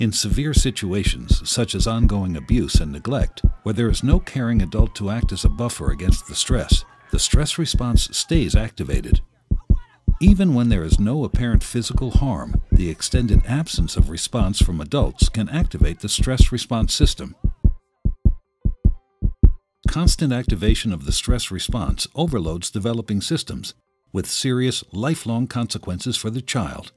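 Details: Adult narrator; normal speech.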